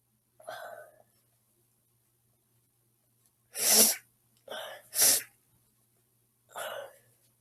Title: Girl Sneezing Sounds